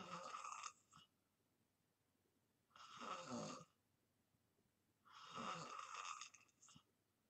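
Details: Person in deep sleep snoring from 2:28 to the end of a white-noise ASMR recording: three rough, rattling snores about every 2.5 seconds with quiet gaps between.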